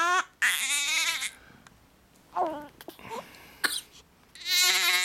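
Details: Infant crying while having the hiccups: loud, high-pitched wailing cries in bursts, with short gaps and small catches between.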